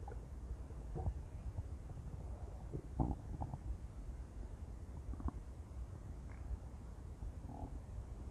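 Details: Intense stomach growling from a woman: low, irregular gurgling and rumbling bursts over a noisy background, loud bowel sounds.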